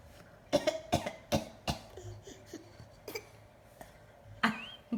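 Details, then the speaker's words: Young child, teething with a new front tooth, gives a voluntary fake cough: a quick run of four short, dry coughs, then a few softer ones. "are you going to do you have a cough [Laughter] was that a fake cough what that"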